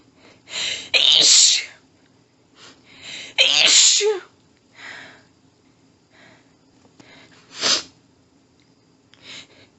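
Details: Female with a nose tickly all day, unknown trigger, trying but failing to stifle: an intense, desperate paroxysmal sneezing fit of several forceful sneezes with audible breaths and gasps between them.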